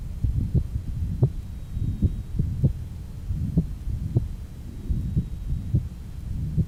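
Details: 1955 Johns Hopkins heart sound laboratory recording at the pulmonic area, rheumatic heart disease: heart sounds with murmur of combined mitral stenosis and mitral regurgitation (insufficiency).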